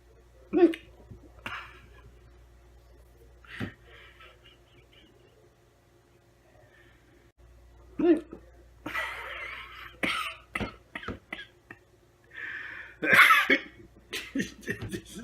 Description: Two minutes of me having the hiccups today, I'm literally cracking myself up over them!